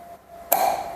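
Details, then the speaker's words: Short, bright electronic tone after a soft click as a GE 9100c NXT anesthesia workstation confirms a step in its daily pre-use leak self-test, after the left vaporizer is turned off and confirmed. "तो हम कुछ भी दबाएंगे नहीं, इसी को हम simple घुमा देंगे। ये देखिए अपने आप पे जा करने के बाद आवाज़ करता है,"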